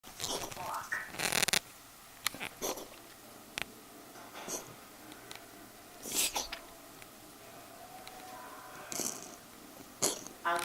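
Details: A pet, probably a cat, coughing one evening: a series of short, harsh, hacking bursts with quiet room gaps between them.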